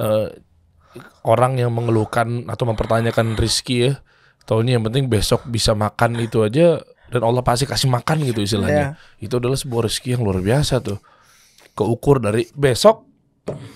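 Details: Adult man; typical speech.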